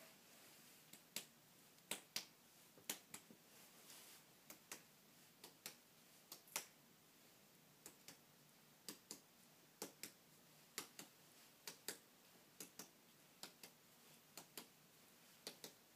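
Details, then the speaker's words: Examiner percussing a man's posterior chest during a heart and lung assessment: series of sharp, short taps against quiet room noise; chest percussion. "And now I'm going to percuss. Whenever I press cut, it's just whenever I touch you like this and just tap."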